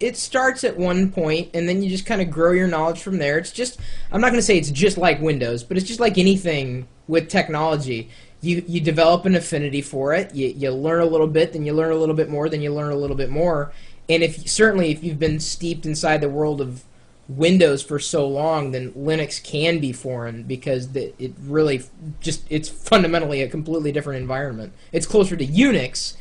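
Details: Adult male speaker; ordinary speech.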